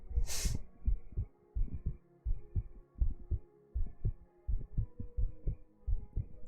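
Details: Heartbeat sounds played as a live trigger on a 3Dio binaural ASMR stream: regular low thumping at about 86 beats a minute after a brief rustle.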